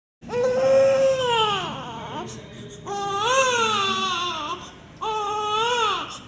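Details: Newborn cry from a sound-effect recording: three loud, tonal wailing cries with pauses for breath between them, faint background music; newborn cry.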